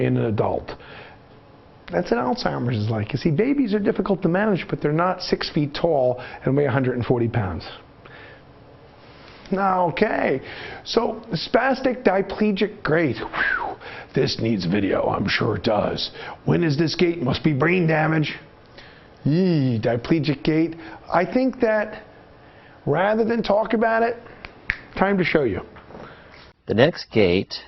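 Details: Adult male narrator; normal speech.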